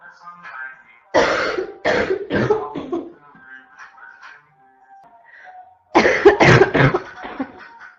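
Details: Female with a constant barking cough.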